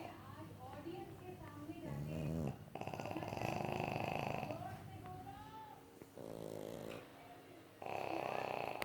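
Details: Two sleeping pugs, small flat-faced dogs, both snoring; loud buzzing, rattling snores with whistling in between: snoring.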